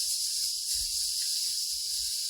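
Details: Demonstrated, not spontaneous, stuttering-like prolongation: a sound is prolonged while airflow continues but articulator movement stops; stuttering prolongation.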